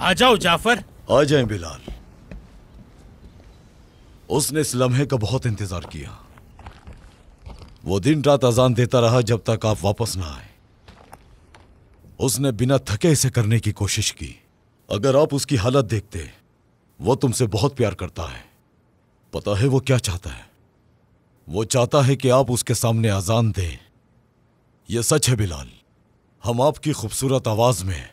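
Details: Adult man, acted dramatic scene; normal speech.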